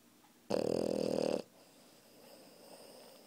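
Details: Puppy asleep on its owner, snoring loudly: one loud, fluttering, rattling snore on a single breath lasting about a second, then quiet room noise.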